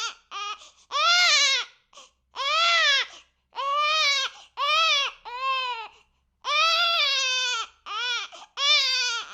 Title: 6 WEEK OLD BABY CRYING SOUND EFFECT, BEST SOUND